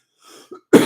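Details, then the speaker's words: Adult speaker recovering from a bad viral cold, coughing during a live presentation: a faint throat-clearing sound, then one abrupt, loud cough burst. "I'm recovering from a a pretty bad uh virus cold thing so excuse my voice and occasional coughs"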